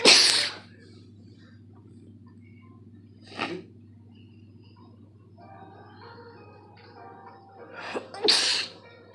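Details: An adult sneezes sharply, then after a quiet pause gives a smaller burst and a final loud double sneeze, with faint music in the background; sneeze.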